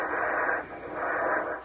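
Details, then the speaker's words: Venous Doppler ultrasound of the neck veins in multiple sclerosis patients, researching narrowed veins draining the brain (CCSVI). A windy, rushing whoosh swells and fades in two waves as blood flows from the brain. "that's the sound of blood flowing from the brain researchers are using this special ultrasound on ms patients looking for narrowed veins that could be damaging the brain"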